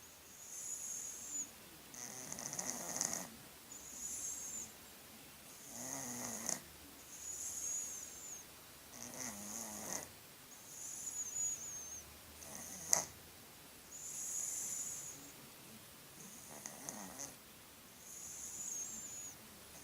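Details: A sleeping cat: repeated breathy, whistling snores with a high hiss on each breath, about 39 per minute; snoring.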